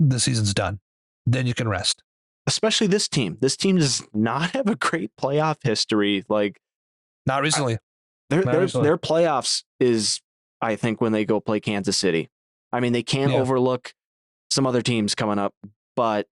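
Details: Adult man speaking, podcast recording; ordinary conversational speech.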